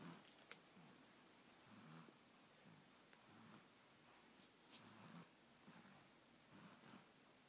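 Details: Two-month-old puppy snoring in its sleep: soft, repeated nasal snoring breaths in a quiet room.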